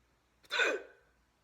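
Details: Single abrupt, voiced hiccup with a sharp onset in a quiet room, after eating a turkey sandwich too fast; the hiccups hurt.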